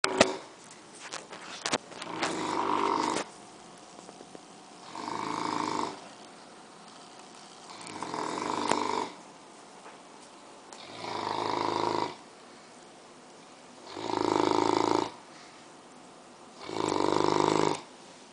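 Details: Six loud, regular rasping snores, about 20 breaths a minute, with quiet gaps, from a sleeping, tired English Mastiff; deep snoring.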